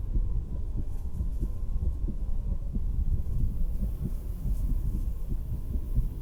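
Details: Woman's own real heartbeat through a stethoscope while sitting on a beach house porch: soft, dull, regular low thumps, normal heart sounds, with a rumble of wind and ocean waves.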